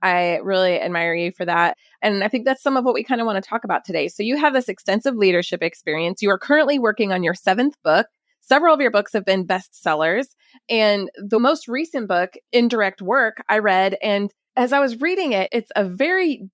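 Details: Adult woman speaking; Typical speech.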